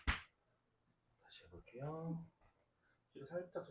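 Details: Chuna (Korean chiropractic) neck manipulation by clinicians on a patient with neck discomfort, stiffness on left rotation, head tilted back: a single sharp joint-cavitation crack, then a quiet room and murmured words.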